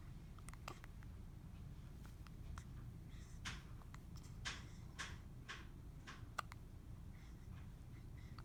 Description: Baby having hiccups, etc., 06/04/2022.